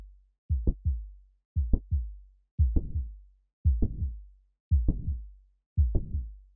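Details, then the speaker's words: Mitral valve prolapse in heart sounds teaching lecture, leaflets bulging back into left atrium: regular heartbeat near 57 per minute, sharp mid-systolic click followed by rising crescendo late systolic murmur. "فحين سمع صوت عندنا المرمر اللي يشوفوا هذا المرمر يصير من نوع التصاعدي اللي هو الكريشندو فيسمى هذه الحاله يسمى المرمر لكرش سستك مد سستك كليك"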